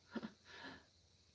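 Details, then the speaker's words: Sleeping rabbit, Sunny Jim, who always snores loudly despite airway checks and x-rays: faint snuffly breathing, two quick snorting bursts, then a longer noisy breath in a quiet room. "i don't know if you can hear sunny is snoring in the background sunny jim always snores he is so loud and they've checked his airway"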